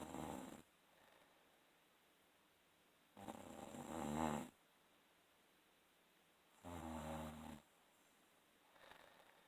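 Rough, fluttering snores recurring every few seconds, with quiet breathing in between.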